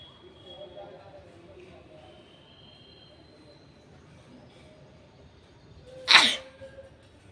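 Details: Single sharp, hissing sneeze from a woman on a rooftop outdoors, faint outdoor background noise, part of a sneezing and nose-blowing video; sneeze.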